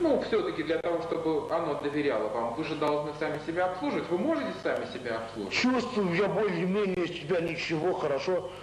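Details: Adult speaker, Russian; normal speech.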